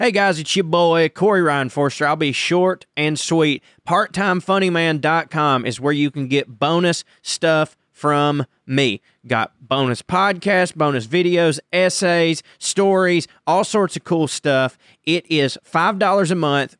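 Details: Adult man; normal speech.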